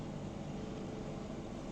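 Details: Steady low mechanical hum and whir of a 5 L/min oxygen concentrator powering up, which takes about 15–20 seconds while its green, yellow and red lights blink before it stabilizes and is ready for use.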